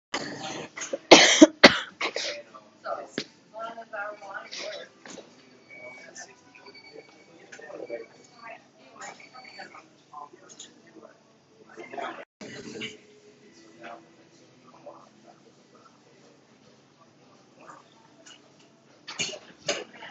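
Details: Adult with flu gives several harsh coughs between quiet speech; asthma and migraine are also listed alongside the flu.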